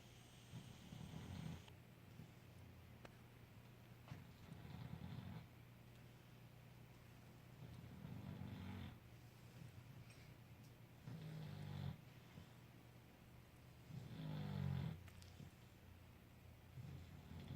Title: Snoring Puppy